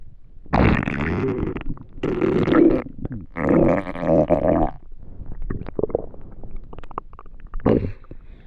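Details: Hunger stomach noises (borborygmi): three long, loud gurgling rumbles, then softer bubbling gurgles; normal bowel sounds.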